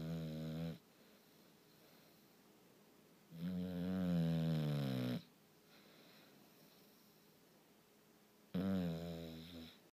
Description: My bull dog Aldean snoring and this isn't the worst he's done